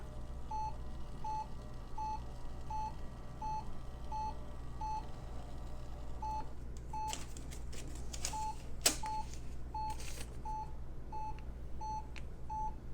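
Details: Steady ECG monitor beeps at about 80 per minute, with a low mechanical hum and recorder clatter, from a new-old-stock military surplus Hewlett Packard 43200MC monitor-recorder running a lead I rhythm strip.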